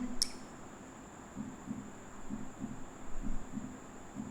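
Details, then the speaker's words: Film scene, dramatized: hospital patient's heartbeat heard through a stethoscope, steady, regular lub-dub at about 65 beats a minute. "ए आनंद भाई सुन ना तेरा दिल क्या मस्त धकधक करला है ये लो सुनो"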